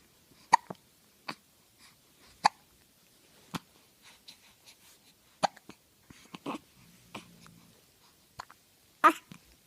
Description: I hate the hiccups!!!